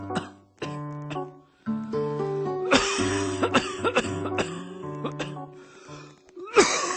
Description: yes. indeed. this is a real virus i have. i cannot stop coughing.